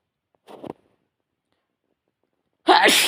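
A soft intake of breath followed by a sudden loud burst: a single sneeze.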